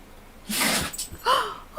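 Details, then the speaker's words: A single sharp, airy sneeze from a puppy, an ordinary harmless reflex. "did you hear that puppy sneeze? My god."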